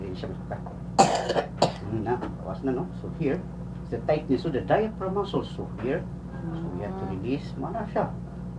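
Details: Child with cough and fever: two short, sharp cough bursts and some throat clearing among voiced sounds, over a steady background hum.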